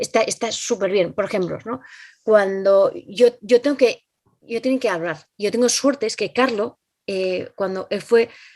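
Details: Adult Spanish-speaking woman with aphasia caused by a stroke some time ago, acquired brain injury. Finding: aphasia.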